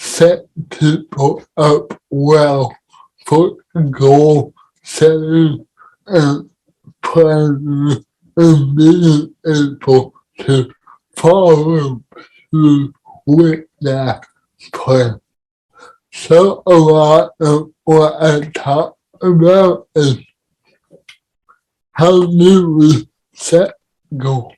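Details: Dysarthria in a man with cerebral palsy, speaking in a podcast conversation about living with CP.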